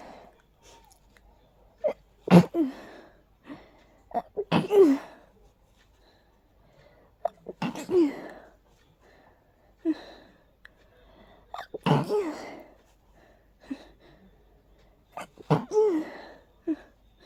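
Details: Intense allergy sneezing fit, unusual for this person and felt as a swirling nasal irritation: about five strong, sharp sneezes with gasping in-breaths between them.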